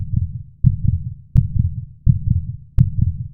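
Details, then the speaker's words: Steady heartbeat about 85 per minute, lub-dub pairs with clear quiet pauses between beats, illustrating systolic and diastolic phases; a normal heartbeat. "it shows the pressure in the arteries when the heart beats so while it is wheezing and pumping out of blood into the vessels"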